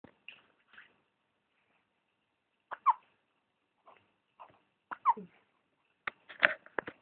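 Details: Young child's hiccups: short, sharp, high-pitched catches recurring in small clusters with quiet gaps between.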